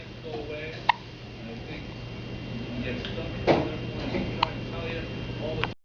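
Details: Frequent hiccups, occurring multiple times every day: four brief, sharp hiccups at irregular intervals over about six seconds, against low room hum and faint voices; ordinary infant hiccups.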